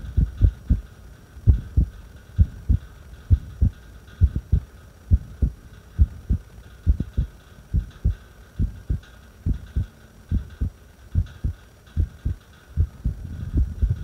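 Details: Irregular heartbeat during a breath hold: low heart sounds at about 67 a minute with uneven spacing between beats.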